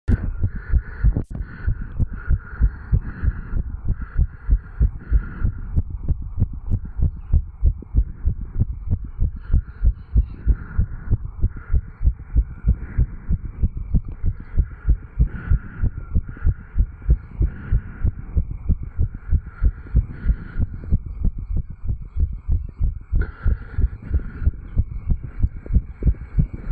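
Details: 35-year-old man's heart recorded by stethoscope at the tricuspid valve area after jogging: fast, regular lub-dub heartbeat, normal heart sounds speeding up after exercise.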